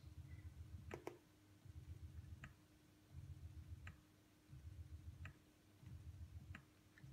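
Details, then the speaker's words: Spectra S2 electric breast pump at lowest settings, cycle speed level 38 and suction level 1: low motor hum in repeating cycles, each ending in a soft click, roughly 40 cycles a minute. "the Spectra S2 has different controls for both suction and cycle speed so here is the pump at its lowest settings level 38 for cycle speed and level 1 for suction strength"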